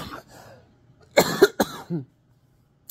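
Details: An adult who has been ill for 4 days before going to the emergency room, uses a nebulizer and reports wheezing, gives two harsh, abrupt coughs after a breathy sound, ending in a brief voiced groan. Cough.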